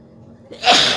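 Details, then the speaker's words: Adult woman doing a sneezing challenge, poking her nose to provoke repeated sneezes: a short intake of breath, then one sharp, explosive sneeze. "চলো, কটা হাঁচি আমি দিতে পারি দেখো। 10টা তো বললাম তোমাদের।"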